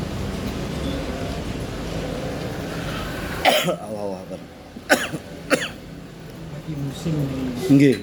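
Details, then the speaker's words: An adult with a cold gives several short, sharp bursts of productive cough, with room noise and some voices around them. "Batuk batuk berdahak serio."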